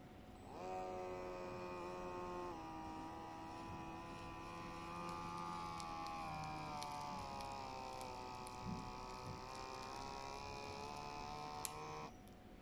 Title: Tensimeter Digital Bion LV-02